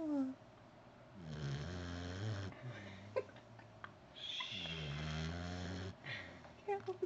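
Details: Female puppy asleep on owner with her eyes open, snoring: two drawn-out breaths with a buzzing, whistling quality, quiet room noise and a faint voice behind.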